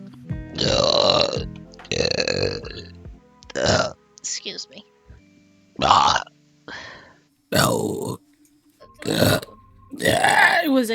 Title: vtuber burp compilation